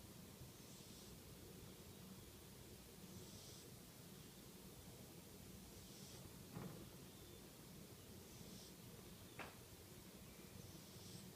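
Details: A cat (kitty) snoring: faint, soft hissy snores at a steady rhythm, about 24 breaths a minute, over quiet room noise.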